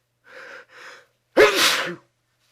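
Two quick inward breaths build up, then one forceful, explosive sneeze.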